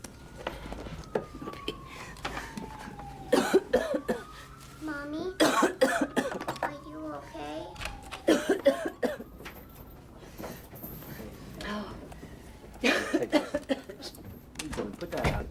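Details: An actress gives several harsh coughing bouts in an acted, simulated scene, with background tones and some speech.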